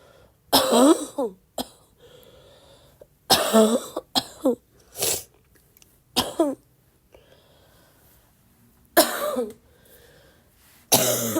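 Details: Girl who is still sick and coughing a lot, tagged as a barking cough and coughing fit: about seven harsh coughs in short bursts over eleven seconds with quiet gaps between.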